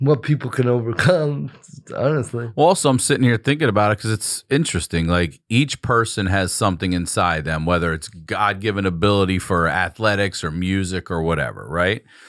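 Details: Adult man speaking; Ordinary speech.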